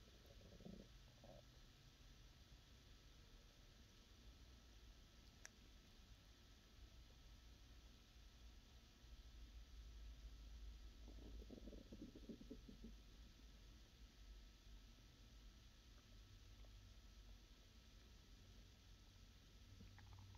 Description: ASMR stomach sounds, Rumbling, Growling Hungry Stomach Sounds, Digestion